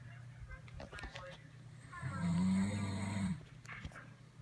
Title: Loud Snoring!!!